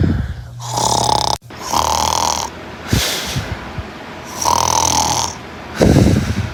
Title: Sharkey Boi Snoring Compilation